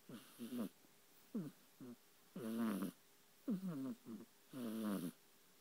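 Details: Sleeping Burmese kitten, recorded on an iPhone 4, snoring pretty loudly: short, squeaky, rising snores in bursts, then longer whining snores; snoring.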